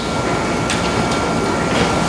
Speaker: and it provides a tone like this you can hear that buzz but it's a very focused tone and it's very strong so it penetrates through the neck and allows a person to articulate